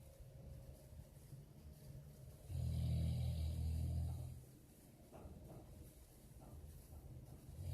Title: Snoring expart